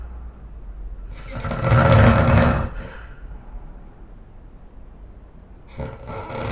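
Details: Loud, rough, rattling snores on the in-breath, each followed by a quiet pause before the next; heavy snoring in an adult man.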